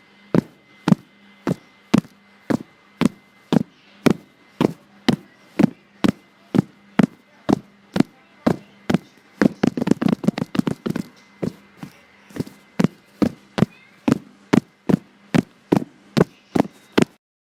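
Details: Fast heartbeat recorded on a voice memo when the person is really tired: rapid, regular, sharp beats at about 115 per minute, tachycardia.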